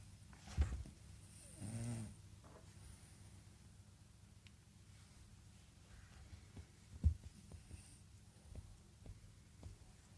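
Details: 9-year-old sleeping dog gives a low, rumbling snore through the nose, with soft thumps and clicks in a quiet room; snoring.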